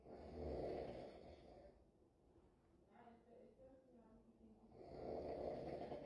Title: Snoring is the ringtone in this house